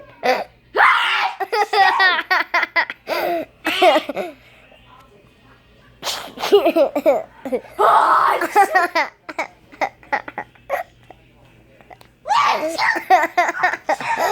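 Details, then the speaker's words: Loud, deliberately forced, exaggerated sneezes from a few people attempting the loudest sneeze, mixed with laughter in a small room; sneezing. "And I'm going to try and make the loudest sneeze. sneeze you've ever heard. Try it."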